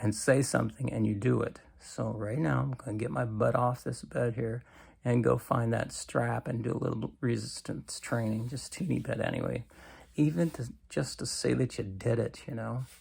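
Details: Adult man with cancer and a bile duct stent that his doctor says needs clearing more often; creaky voice, which he attributes to lack of strength, especially in the morning.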